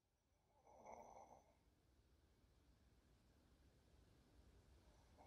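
A single rattling snore on an in-breath, then quiet breathing, from an adult with sleep apnea.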